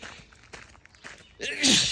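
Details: Sneeze while walking outdoors in the woods: crunching trail footsteps, then a sudden loud, explosive, breathy single sneeze, one of repeated sneezes.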